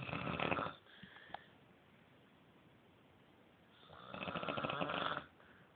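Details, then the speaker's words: A mother snoring while asleep upstairs: two loud, rough snoring breaths separated by a quiet pause, in a small room. "Mom is up here snoring. You know we gotta get her part 5 or 30 or whatever."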